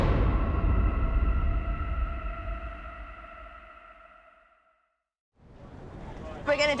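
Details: Steady rising electronic whine fading out, then brief silence and renewed noise: a paramedics' defibrillator charging before stacked shocks for persistent ventricular fibrillation, no pulse, in a 55-year-old man in cardiac arrest.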